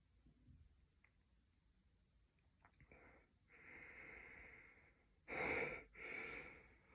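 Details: Person with a cold, sneezing repeatedly: breathy inhalations build up, then a loud sneeze burst followed by a weaker second one; sneeze.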